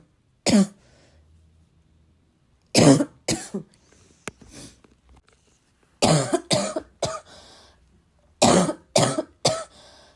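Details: Bad, persistent cough described as a little wheezy, a little chesty and barking: repeated harsh barking coughs in clusters with throat clearing, about eleven bursts; cough.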